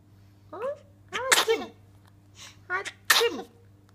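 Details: Infant gives two quick sneezes, each after a short rising vocal sound, amid soft babbling and chatting.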